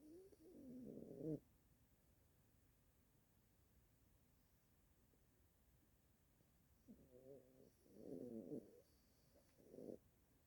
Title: my dog snores